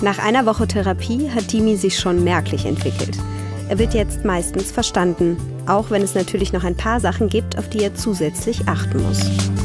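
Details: Adult narrator over background music; normal speech.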